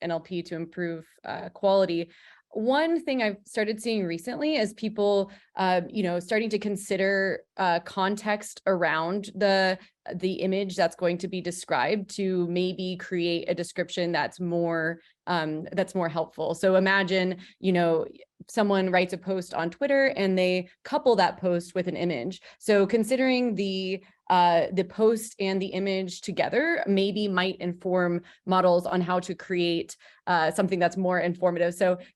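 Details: Adult woman speaking; normal speech.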